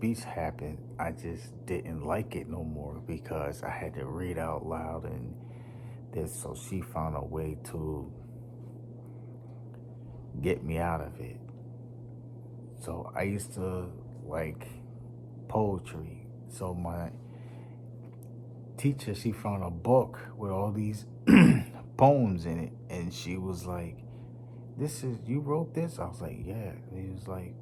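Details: Stuttering in a young man, once so severe he could not talk, worse when nervous around unfamiliar people; he links it to his nervous system.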